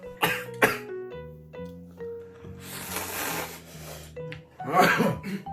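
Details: Irritant coughing while eating very spicy ramen with chili oil and hot peppers: several sharp coughs and throat-clearing bursts over background music and eating sounds.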